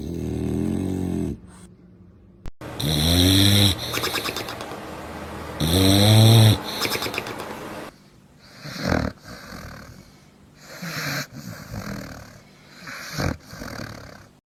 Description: This dog snores louder than most humans. No shame, no mercy, just full commitment to the nap.